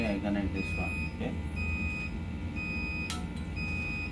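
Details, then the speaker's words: Steady repeating electronic beeps under room hum with brief voices: the "connect ventilator" alarm of an SLE 3600 INOSYS inhaled nitric oxide system on switch-on during calibration with calibration gas, with no ventilator connected. "once we switch on it will give you like connect ventilator alarm so we continue okay"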